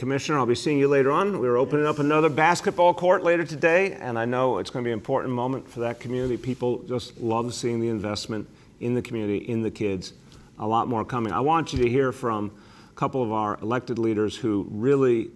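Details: Adult man speaking; Normal adult male speech.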